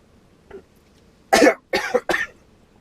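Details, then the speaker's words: A faint sound, then three harsh coughs in quick succession after an adult tanker truck driver swallowed water the wrong way, joking about drowning; cough after choking on water. "swallowing water in the wrong dang it. Whew. I'm trying to drown myself here."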